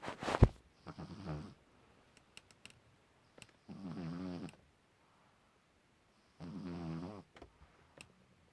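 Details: Low rumbling snores from a sleeping pug puppy, several breaths a few seconds apart with soft snuffles between; flat-faced dog snoring.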